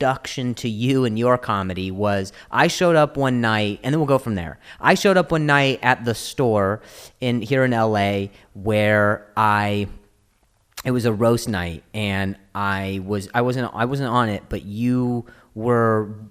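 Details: Stuttering in an adult male comedian presented as a stuttering comedian.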